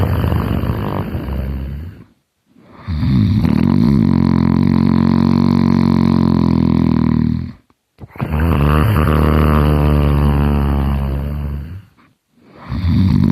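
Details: Loud, deep, rattling snores with brief pauses between breaths; heavy snoring.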